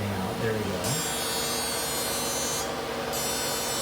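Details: Deep fractional CO2 laser firing during acne-scarring resurfacing on a female patient under nerve blocks, part of combination treatment: steady electric hum with a high hiss switching off and on.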